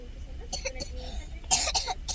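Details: Several short, harsh cough bursts from a child with asthma who is not doing well after recent flu, over low background room noise; ongoing cough.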